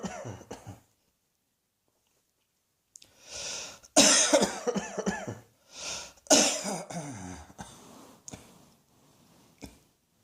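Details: Repeated coughing: several bursts of harsh coughs, some in quick runs, with short breaths between.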